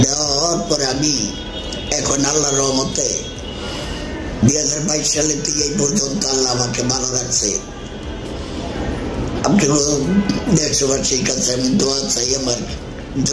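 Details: Adult man, laryngeal cancer treated with total laryngectomy in 2022 then chemotherapy and radiotherapy, speaking Bengali via implanted voice prosthesis (tracheoesophageal puncture); tracheoesophageal speech.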